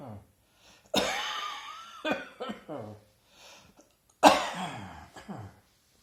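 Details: Adult sitting reading in a garden on a hot early autumn afternoon, sudden cough at back of throat recorded on smartphone: sharp, harsh coughs in two short bouts, non-productive without rattle; dry cough.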